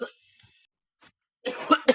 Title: Cough cough, sneeze, achoo.